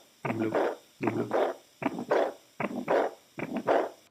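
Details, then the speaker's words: Veterinary cardiac auscultation: regular heartbeats at about 77 a minute, each followed by a soft rushing sound late in the beat, a diastolic murmur. "escucha un soplo diastólico un evento que aparece al final en este caso sin que medien y todos otros equipos o no piensa en a que les hace acordar este ruido"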